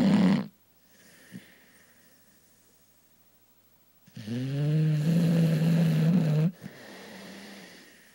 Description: My dog Macy snoring loudly during her morning nap.